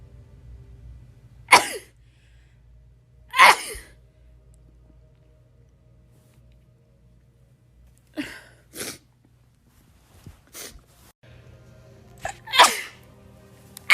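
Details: Sneezing fit from a rapid-sneeze compilation: four loud, sharp sneezes and a few smaller ones in quick succession over a low steady room hum.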